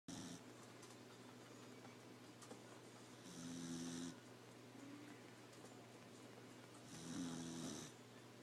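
Slow snores, about 17 a minute, each a buzzing inward breath over a steady room hum; ordinary dog snoring.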